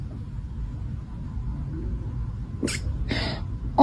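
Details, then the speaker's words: A kitten's hiccups: two brief, sharp, hissy bursts about half a second apart, then another beginning, over a low room rumble. "Oh, baby. Have you got hiccups?"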